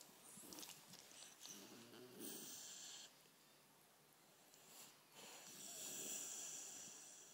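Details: 12-week-old Rottweiler puppy falling asleep with the hiccups: soft, raspy breaths and snorts with intermittent noisy breathing, consistent with light snoring.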